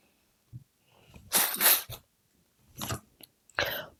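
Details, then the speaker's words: Adult woman with a recurring cold: several short, harsh cough bursts in a quiet room while speaking. "Voilà, amis Bélier, je suis désolée, je tousse encore un petit peu, donc j'ai à nouveau le rhume, donc je m'en excuse avant si vous entendez ma toux."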